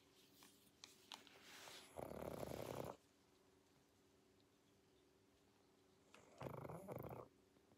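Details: Sleeping pug dog: two harsh, noisy snoring breaths about four seconds apart with small snorts before; snoring.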